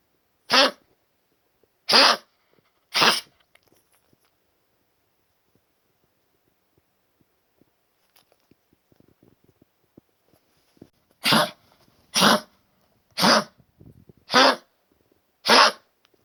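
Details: 13-year-old female dog with stage 3 congestive heart failure, a collapsed trachea, and high blood pressure, on medication, coughing since about age 9–10: a harsh, honking cough in two bouts.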